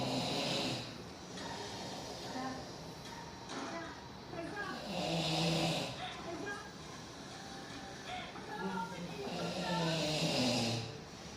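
Rough snoring about 12 times a minute, with a television talking in the background.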